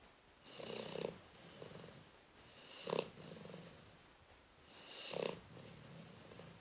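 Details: Soft, regular, snuffling snores, roughly one every two seconds, with a faint rattle on each breath.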